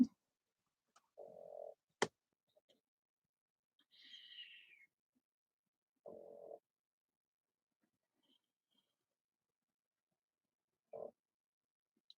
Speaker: night mary you hear the dog snoring too